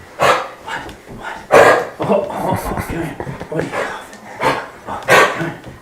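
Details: A dog gives a run of harsh, honking, hacking coughs, typical of kennel cough (infectious tracheobronchitis).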